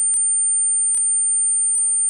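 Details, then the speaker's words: Steady high-pitched pure tone around 9,000 Hz with faint room sounds, played to simulate the speaker's constant chronic tinnitus; a tinnitus simulation. "Dan untuk saudara bisa mendapatkan gambaran apa yang saya dengarkan setiap saat, saya ada contohnya, audionya itu sekitar 9.000 Hz dan bunyinya seperti ini."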